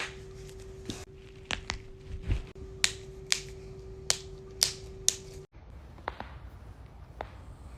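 A run of sharp, loud pops and cracks against a steady background hum; joint cracking, harmless release of gas in the joint.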